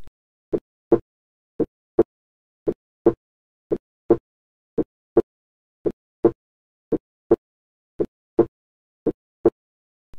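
Steady paired heart sounds, lub-dub, at about 56 beats a minute with a clean, quiet background. Each second sound is crisper and louder than the first, with no extra sounds or murmurs between them. This is a normal first and second heart sound pattern.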